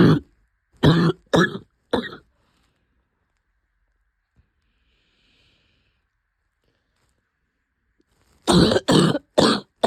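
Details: Harsh, deep cough from an adult, two bouts of about eight coughs; cough of a few months' duration that turned out to be pneumonia, since recovered.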